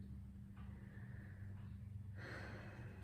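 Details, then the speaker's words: An adult takes deep breaths in and out on instruction during a respiratory exam, with the stethoscope over the trachea listening for bronchial sounds. Soft, airy breath sounds over a steady low room hum. Finding: deep breathing during lung auscultation. "And starting off, I'm going to listen for the bronchial sounds of the lungs, and you will hear that around the trachea. So I'll have you take a deep breath. Exhale."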